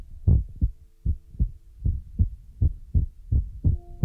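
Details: ASMR relaxation heartbeat trigger: regular low thumps at about 77 a minute over a faint steady hum; heartbeat.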